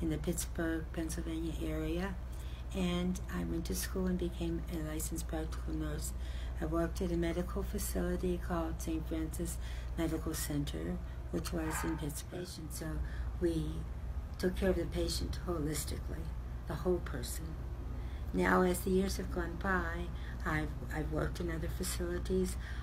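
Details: Adult woman speaking; normal speech.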